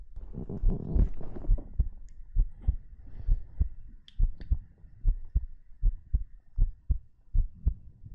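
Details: Regular paired low heart thumps at about 75 beats a minute, with soft rustling at the start: a normal heartbeat in an ASMR heartbeat recording.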